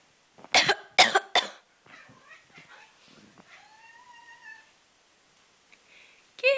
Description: Our cat, Arwen hates it when you cough or sneeze. Watch her meow in protest, especially as she walks away.